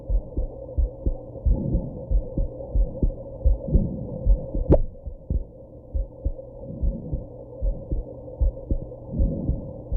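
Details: Heartbeat after drinking alcohol and smoking, with hiccups: regular deep thumps at about 80 a minute, low hum, one sharp jolt partway through, possibly a hiccup.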